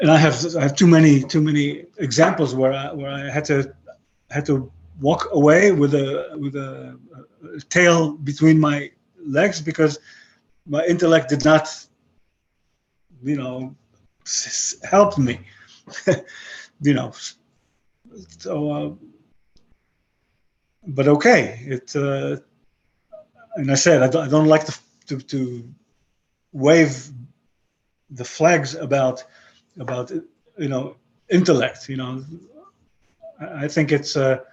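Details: 62-year-old man with aphasia following a stroke about 11 years earlier; he retains broken English and Hebrew but lost his other languages; aphasia.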